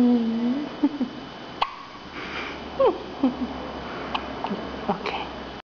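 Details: Hiccups in a 2.5-day-old newborn girl: soft, brief, irregular catches, several over a few seconds, with faint whimpering and room noise.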